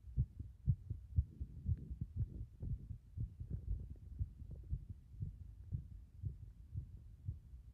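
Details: Heart sounds: a regular, low, fast thumping heartbeat of about 120 beats a minute, each beat a paired thud.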